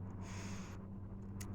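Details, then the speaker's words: Hiccups in a person with a recurrent bout of painful hiccups while talking: a sudden breathy gasp, then a short sharp catch in the throat over a steady low hum. "sometimes all the times i'm just throwing words out so that you can hear my hiccups if they come when they come sometimes they come"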